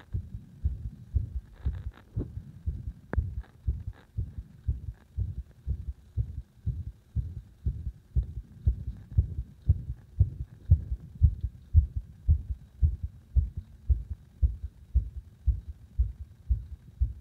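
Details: Heartbeat with arrhythmia induced by gradually increasing compression of the heart: rapid beats near 115 a minute with uneven spacing and varying strength.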